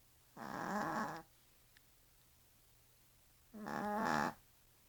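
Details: Small female Yorkshire terrier asleep: two long, rattling, buzzy breath sounds about three seconds apart; snoring.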